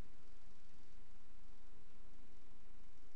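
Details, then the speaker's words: Aortic stenosis, moderate or severe: harsh mid-systolic diamond-shaped (crescendo-decrescendo) ejection murmur between heart sounds, taught as a teaching example of cardiac auscultation. "entonces un soplo típico puede ser de la aórtica o de la pulmonar y es un soplo que se produce típicamente en la parte media de la cist es es un soplo en Diamante"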